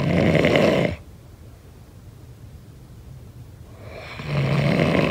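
A long, deep, vibrating snore on a breath in, with quiet breathing before it: ordinary snoring.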